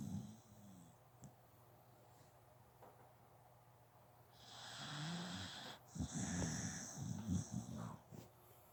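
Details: A sleeping pet dog in a quiet room gives rough snorting breaths with a low rattle in the second half; dog snoring.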